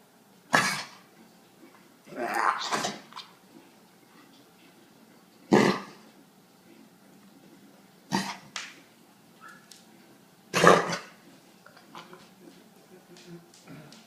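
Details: A dog, one of two dogs under the weather, gives about five harsh, dry, honking cough bursts with quiet pauses between them. Kennel cough.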